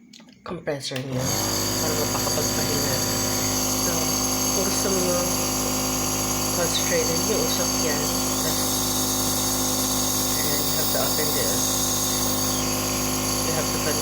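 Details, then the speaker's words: Surgitech mini compressor nebulizer filled with clean water for a demonstration: a steady hum and buzz as the compressor starts and runs continuously, with a faint hiss of misting; normal nebulizer operation. "i just plug the compressor in and see how it works now it's really working"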